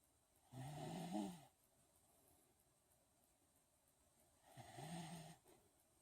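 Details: Regular snoring during sleep: two low, rattling snores, each about a second long, separated by quiet breathing out.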